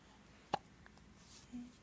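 A single short, sharp hiccup against quiet room noise, with a faint second sound after it.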